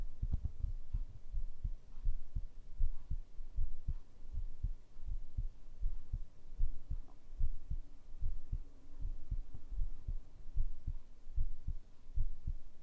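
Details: ASMR heartbeat recording, binaural microphone tagged: steady, low thumping at about 75 beats a minute with a regular rhythm over a soft hum; normal heartbeat.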